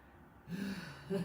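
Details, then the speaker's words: An adult woman with unspecified health issues, exercising during a workout, gives a single gasping breath after exertion with a low, faintly musical whistle running through it, fitting a wheeze. "sorry if you can hear me wheezing in the mic"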